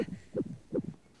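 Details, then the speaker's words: Rapid, regular whooshing fetal heartbeat, about 155 a minute, from a monitor in a dramatized film scene with a pregnant woman who is bothered by the sound. "What's that noise? It's baby's heartbeat, huh? I can't listen to it anymore. It's making me nuts."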